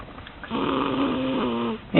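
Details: A single drawn-out, rough, droning breath with a steady low tone from a bear; snoring.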